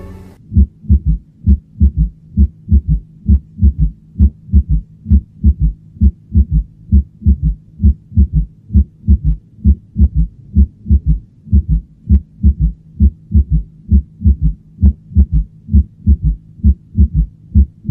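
Regular low heartbeat near 66 a minute, each beat led by a soft extra thud just before the first sound, giving a galloping rhythm: a fourth heart sound.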